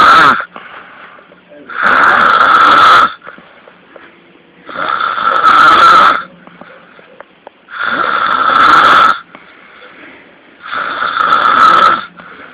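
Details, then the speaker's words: Loud rhythmic snoring, about four long rasping breaths per 12 seconds with quieter gaps, faint background voices; the snorer is described as a pig or a dog; snoring. "Ini adalah suara dengkuran yang paling hebat. Mari kita saksikan sekali lagi."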